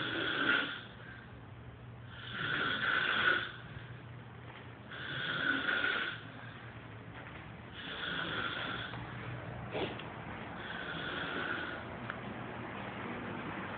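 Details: Man snoring at night, recorded for his snoring problem: loud rasping snores on each breath in, about 23 a minute, slightly irregular, with faint room noise.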